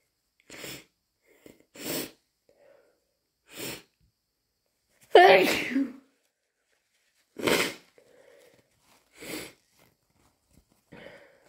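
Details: Someone with possible hayfever (itchy, watery eyes, itchy ears) and a nose always sensitive in the morning deliberately induces sneezing: a run of about seven wet, forceful, snotty sneezes with brief sniffs between, ending stuffy.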